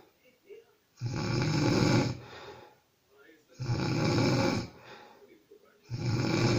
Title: Funny Snoring